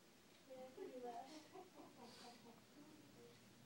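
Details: Adult ("Pa") talking in his sleep: quiet, mumbled voice sounds with no clear words and no snoring rumble.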